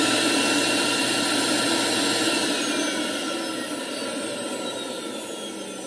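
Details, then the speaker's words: Steady loud whooshing roar from a vacuum forming machine, easing slightly, run a few seconds to pull softened plastic down over a dental model when making whitening trays. "I only turn the vacuum on through a few seconds because it doesn't take very long you'll actually see the material get sucked down on to your model"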